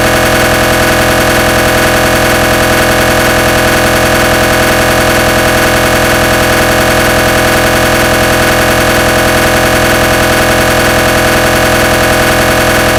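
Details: Simulated (made) recreation of realistic GE 1.5 T MRI scanner gradient sequence noise: loud, continuous rapid buzzing knock at about 158 pulses a minute.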